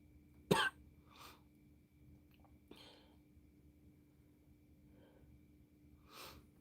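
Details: One sharp, forceful cough followed by a few soft breaths, with a steady hum in the room; an adult with bronchitis who is taking amoxicillin and using an inhaler.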